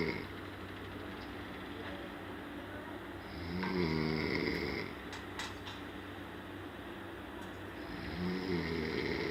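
Soft snoring breaths with a brief rising squeaky snort, against steady room noise; snoring.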